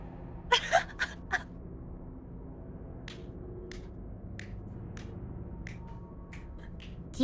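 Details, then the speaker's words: Single sneeze into an echoing "box": a sharp burst of breath with a short echoing tail in a small reverberant space, then quiet room noise. "so proud he finally sneezed everyone i sneezed in the funny echo box yay"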